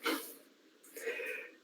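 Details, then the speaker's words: Small, fat female dog sleeping beside the speaker: two noisy, rattling breaths, one soft snorting snore with each breath, in a quiet room; snoring. "Isso é uma cadelinha roncando aqui ao lado. Da gorda está roncando aqui ao lado de mim, esse barulho"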